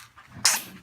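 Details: A single sharp, high-pitched little sneeze from a newborn after a brief quiet moment; the baby's first sneeze.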